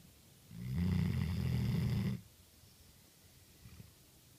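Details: Sleeping dog snoring: one loud, rattling low snore on the in-breath, then quiet breathing.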